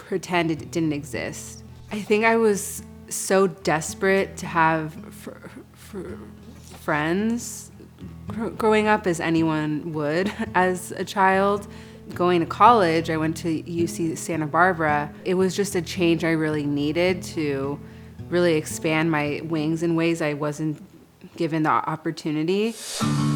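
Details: Adult woman who has stuttered since childhood; stutter returned with a stressful job; stuttering.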